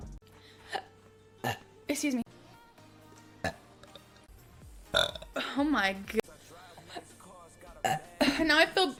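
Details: Compilation: several short burps and longer croaky belches from different people, with music and brief talk in the background; belching.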